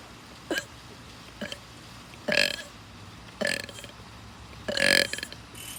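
Five burps of varying length and loudness over about six seconds, with quiet room noise between them.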